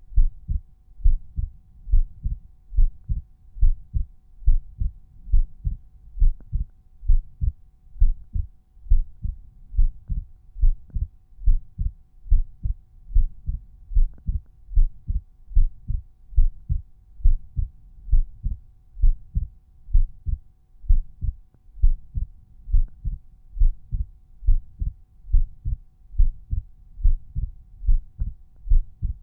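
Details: Resting normal heart sounds auscultated at Erb's point, tricuspid, mitral, pulmonary and aortic areas; volume normalized per point.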